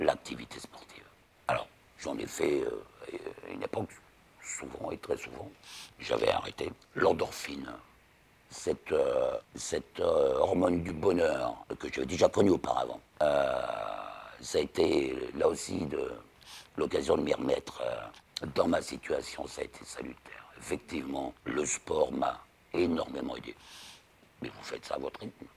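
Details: Man about 60, total laryngectomy end of 2022 for laryngeal cancer followed by radiotherapy; after 4 months of imposed whispered-voice silence, relearned speech with physiotherapists; post-laryngectomy alaryngeal speech.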